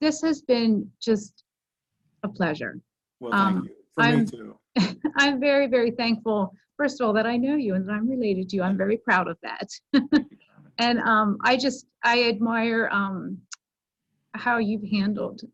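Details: Adult woman speaking; normal speech.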